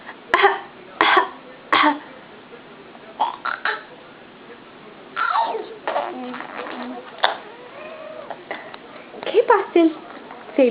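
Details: A young child, asked to show a cough, gives three short, deliberate pretend coughs in a row, followed by everyday talk: a voluntary cough.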